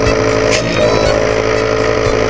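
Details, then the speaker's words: A steady, unbroken motor hum with a faint regular pulse from a nebulizer compressor that had kept stopping because a part was rubbing. After repair it now runs continuously: the nebulizer compressor running. "' ba tuloy-tuloy na siya Oh hindi na siya humihinto kasi nawala na yung nadula na ang bagod nawala na yung sayad"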